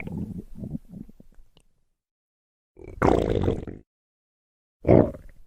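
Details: Low, irregular gurgling rumbles in bursts with quiet gaps from a woman's belly, from a compilation of her stomach rumbling: ordinary stomach growling (borborygmi).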